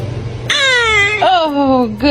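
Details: Baby crying after a series of sneezes: two clear, falling cry sounds after a brief noisy lead-in, with a short catch between them; an ordinary infant cry.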